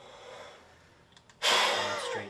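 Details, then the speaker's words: Peak flow meter instruction, patient held at finger grips: quiet deep breath in, then a sudden strong forceful blast tailing off over about a second; good effort, reading about 550. "take a deep breath in open your mouth hold that breath and put this in your mouth and blow into"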